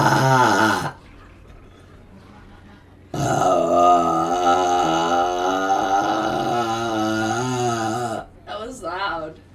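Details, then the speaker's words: A short burp, then a long, drawn-out voiced belch lasting about five seconds with a low rumbling tone, in a quiet room; burping. "okay i got a burp all right okay all yours am i alive am i talking"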